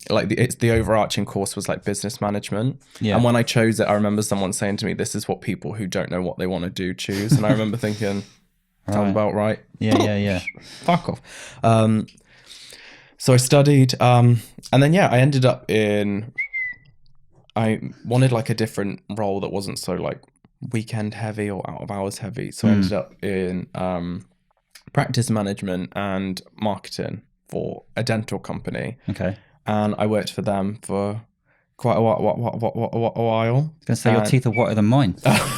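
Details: Adult man with Tourette syndrome diagnosed in his mid-20s after illness with brain swelling and brain damage; after seizures he stammered on every word; vocal tics and sound repetitions.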